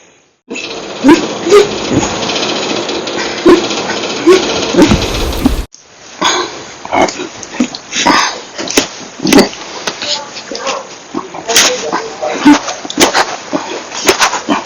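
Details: Repeated hiccups, some violent and loud and some silent and minute, about once a second over background noise; episodes lasting about 1.5–2.5 hours after drinking one or two cups of soda after dinner, recorded 6/16/19–6/20/19.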